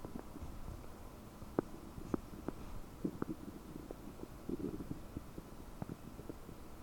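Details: Abdominal sounds about 9 hours after eating 30 prunes, recorded with a desktop microphone, belly bubbly and bloated: frequent bubbling gurgles and short clicks over a low hum; loud, active bowel sounds (borborygmi).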